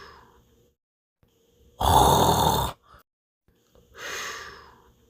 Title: Dinosaur Minion will Snore